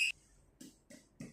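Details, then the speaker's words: Trauma initial assessment, chest percussion: sharp click then three short, low, hollow taps; resonant (sonor) note on the right, hyperresonant on the left, where tension pneumothorax was concluded; resonant percussion note. "sebelah kanan sonor, sebelah kiri hipersonor."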